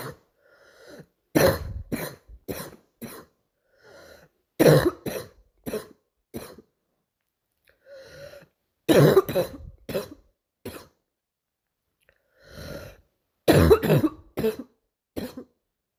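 Repeated bouts of harsh coughing, several coughs per bout, separated by quiet pauses; a recurring morning cough.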